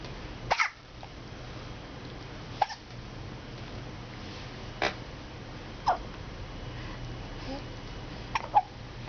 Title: 2011.11.27 hiccups